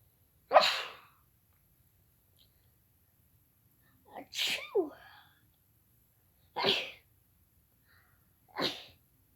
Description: Im sneezing in bed i have my tissous / with me and my hankerchif